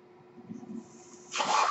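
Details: The speaker's own mechanical ventilator, recorded during his talk: a faint low rumble, then a sudden loud airy hiss of pushed air as a breath is delivered. Mechanical ventilator sound.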